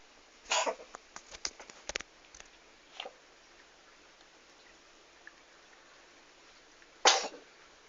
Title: Кот Чихает / Sneezing Сat